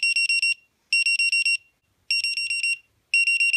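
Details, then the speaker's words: Snuza Hero baby movement monitor, clipped to a diaper, demo with no baby movement for 15 seconds: vibrates, then bursts of rapid high-pitched electronic beeping about once a second. "if it does not detect any movement within 15 seconds it'll alert you so it's vibrating right now and it still does not detect any movement"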